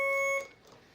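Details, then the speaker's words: Hospitalized man with acute pancreatitis after pancreatic stent removal, stage 4 cancer: IV infusion pump alarm running IV fluid and antibiotic, a single loud piercing electronic beep stopping abruptly in a quiet room. "What's beeping? Is that I'm dying. Is that your antibiotics or that means the nurse is going to be coming?"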